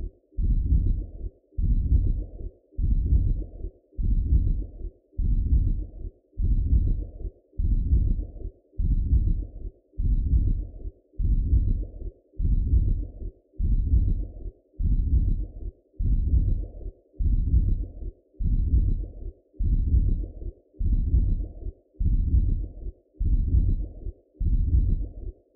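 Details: Adult's own heartbeat recorded through a Doppler for an art piece: steady, regular whooshing pulses about 50 a minute, a normal heartbeat.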